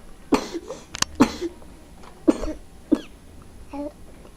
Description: My 8 months old nephew has hiccups :')